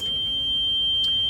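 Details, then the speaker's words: Respironics UltraFill home oxygen concentrator switched on at the power switch: a steady high-pitched electronic tone at startup as all lights come on, then only the power light, a normal power-on beep. "so when I start this machine I'm going to go ahead and hit the power switch"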